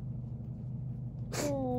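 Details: A pet with small nostrils sneezes after coughing; the owner says it struggles to cough and looks like an allergy fit.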